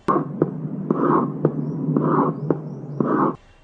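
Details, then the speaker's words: Slow, regular heart sounds with a blowing pansystolic murmur filling systole from the first to the second sound; pansystolic murmur of mitral regurgitation. "this is the m of white recation it is a p stolic m of the blowing character"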